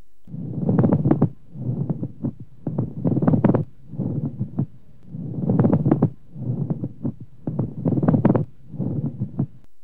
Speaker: Listen to the pleural rub, which has a rubbing or creaking quality like the creaking sound of new leather and is of loud intensity and superficial nature, sounding very close to the ear. It is heard in both inspiration and expiration, and if very loud, it may even be palpable.